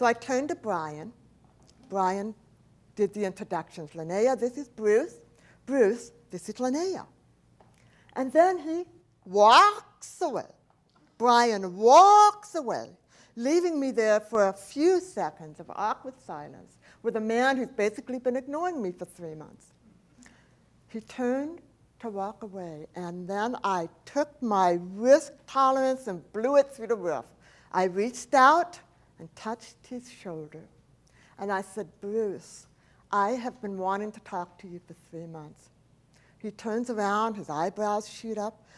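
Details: Adult woman, profoundly hearing-impaired since age four, when a 106-degree fever destroyed about two-thirds of her hearing; she describes a speech impediment, not an accent; deaf speech (speech of profound hearing loss).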